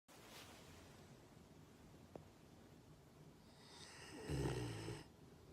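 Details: A sleeping dog that only recently started snoring really loudly: quiet room noise, then one loud, rough, rattling snore on an inward breath.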